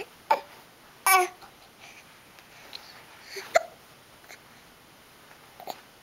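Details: Baby boy practising rolling over, with hiccups: brief, abrupt catches of breath with soft baby vocal sounds in between, in a quiet room.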